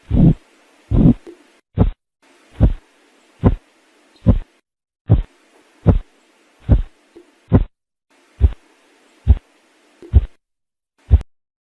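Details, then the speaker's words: Korotkoff sounds heard over the arm while the blood pressure cuff deflates during manual blood pressure measurement: regular tapping thumps at about 72 a minute, described in five phases from onset to fading. "nós temos cinco fases para poder classificar esse som a primeira fase é quando surgiu o som a segunda fase fase É no início dos batimentos aqueles ruídos está no início do batimento a terceira fase o ruído ele vai desaparecendo"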